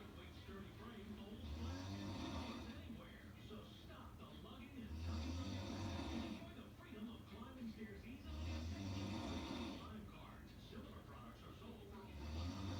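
Deep, rumbling snores about every three and a half seconds, roughly 17 breaths a minute, with television talk and music in the background.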